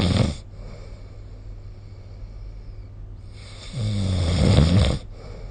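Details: Snoring recorded with the SnoreLab app during sleep: loud, deep, rattling in-breath snores separated by quiet pauses, over a steady low background hum.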